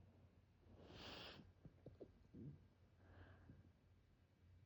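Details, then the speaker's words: A Labrador puppy that only occasionally gets hiccups: quiet, abrupt snorting catches in its breathing, a few over several seconds. "इसकी हिचकियाँ, वैसे तो इसे बहुत ज़्यादा हिचकियाँ नहीं आती, कभी कभार आती है, बट आज कौन याद कर रहा है आपको?"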